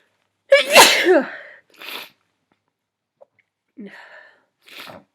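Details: One loud, full sneeze, then sniffles and a smaller breathy sneeze from a sneezy, tired person with a runny nose.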